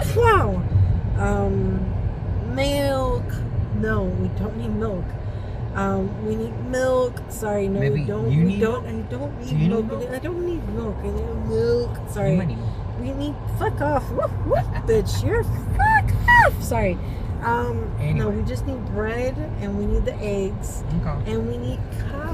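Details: Woman with Tourette syndrome during a tic attack while running errands with her husband, with interjections and repeated words; Tourette syndrome vocal tics.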